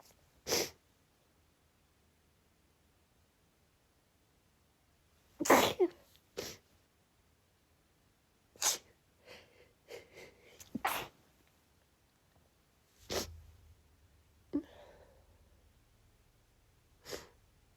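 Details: Sneezing fit triggered by cold air: a run of about seven sharp, explosive sneezes over eighteen seconds with sniffles between, sounding progressively more annoyed; sneezing.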